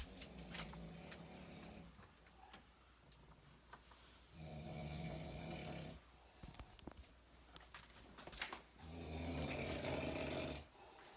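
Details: Nephew snoring loudly during sleep: deep, rattling snores a second or two each, roughly every four seconds, with scattered clicks in a quiet room; snoring.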